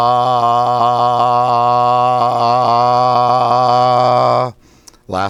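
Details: Sustained 'ah' vowel by an adult male with spasmodic dysphonia and a suspected vocal fold polyp, during voice exercises possibly using a Forbrain device; dysphonic, which he calls rough.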